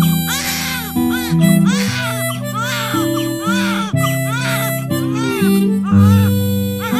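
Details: A newborn just delivered by C-section cries in short, rhythmic wails, about one a second, over background music, around meeting the mother: newborn cry.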